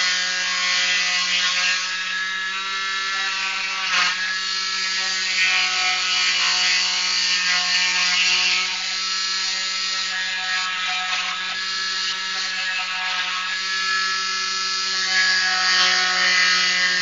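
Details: Steady high-pitched buzzing whine of an oscillating cast saw with brief changes in pitch as it cuts through a cast during cast removal.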